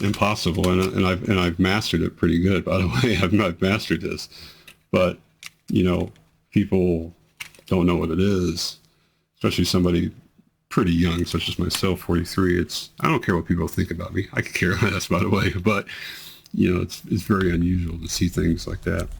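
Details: Man with multiple system atrophy whose tremors have become much more amplified, involve his voice, never stop, and worsen with activity and emotional stimulus; voice tremor.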